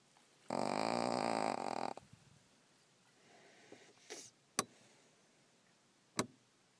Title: Pug Snores Super Loud